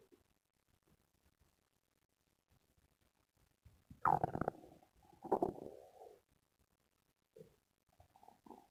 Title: Stomach growling sounds #2